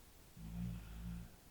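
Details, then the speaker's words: Sleeping pet dog snoring in the background of a room: a low, rumbling, buzzing snore lasting about a second rising out of quiet room noise. "I don't know if you can hear my dogs snoring back there. They're getting good snoring here."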